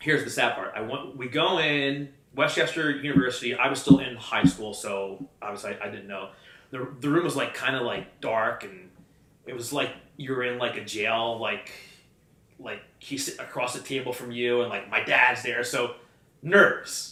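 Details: Adult man who has stuttered since childhood; stuttering.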